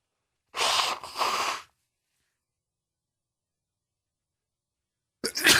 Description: One allergy sneezing fit with some nose blowing.